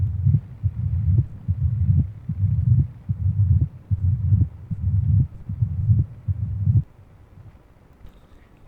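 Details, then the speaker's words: Patient recording of mitral stenosis: low-pitched, rumbling mid-diastolic murmur, heartbeat about 76 a minute, best heard at the mitral area. "اوكي، بما انه له علاقة بالميترال ستينوسيس فيه best heard as mitral at mitral area."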